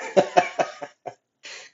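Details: A sick adult with a cough during illness: a run of five short, sharp coughs followed by a softer breathy exhale.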